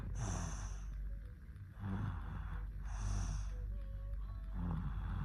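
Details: Woman snoring: loud rough snorting breaths, roughly two in five seconds, over a steady low hum.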